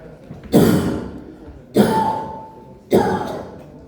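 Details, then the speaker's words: Demonstration of the cough of COPD or asthma (airway constriction): three forced, strained coughs with drawn-out trailing tails, an imitation of the tight asthma cough. "these are the cuff of either COPD or asthma you can see it is coming through the airway okay"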